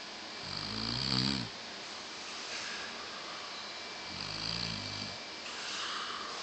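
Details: Snoring: two low, rattling snores on inhalation about three seconds apart, with quiet breathing between.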